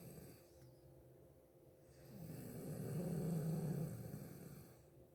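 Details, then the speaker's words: Loud snoring from a sleeping woman, heard from another room while her husband watched TV; he found it frightening, and she doubts she snores. "Berisik banget kamu ngorok. Masa sih? Gue nggak percaya, nanti kamu dengerin sendiri."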